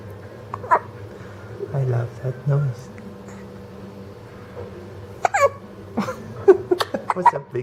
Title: Hiccups